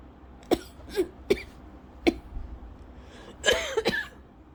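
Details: Lingering cough over a month after an illness, with constant scratchy throat, episodes about 8 times daily; a milder bout not triggering asthma cough: about six short, dry, scratchy coughs in a loose series.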